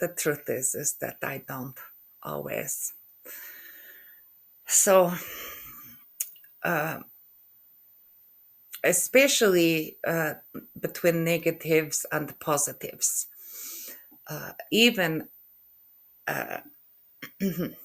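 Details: Adult woman with aphasia after a stroke in November 2023; word-retrieval difficulty with word-finding pauses and halting speech.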